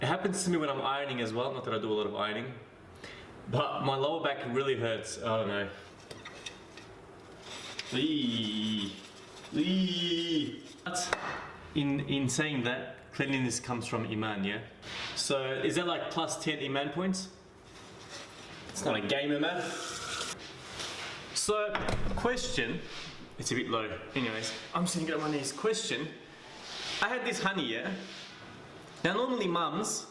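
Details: Adult male with a self-described mild stutter or stammer, not a bad one, with getting stuck for words, mumbling, slurring and fast speech; stuttering.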